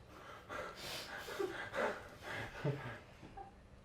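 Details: Two-year-old girl sneezing on a pastry while baking with her dad: quick, noisy breaths in and snorting sounds, a short run of gasping in a quiet room.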